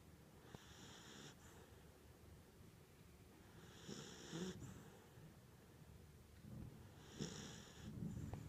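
Three soft, raspy snores spaced about three seconds apart, roughly 20 breaths a minute, in a quiet room. A cat snoring gently in sleep.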